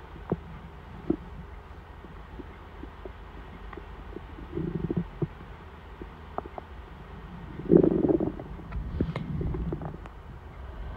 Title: my hungry tummy rumbling before dinner